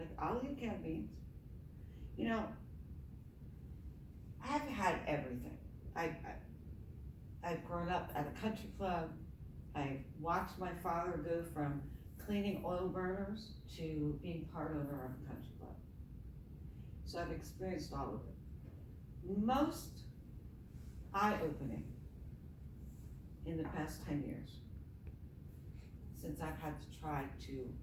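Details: Adult woman with myasthenia gravis since age 7 (about 45 years), apparently without her custom palatal device; palate fails to close so air escapes through the nose during reading; hypernasal speech (velopharyngeal insufficiency).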